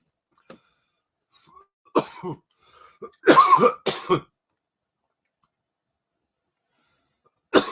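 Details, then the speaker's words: Adult throat clearing then two strong coughs after dabbing cannabis concentrate, which hits the lungs; a few throat clears followed by coughs. "oh yeah dabs dabs hit me and it might hit my lungs in that special way"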